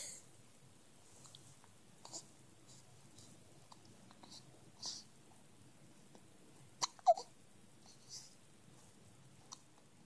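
Quiet room with several brief, sharp gulping catches at uneven intervals, one louder pair midway: hiccups.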